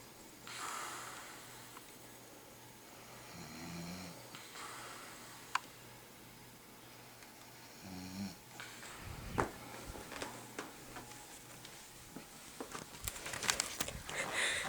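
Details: Person asleep: two low, rattling snores on breathing in, with room noise and handling sounds later; ordinary snoring.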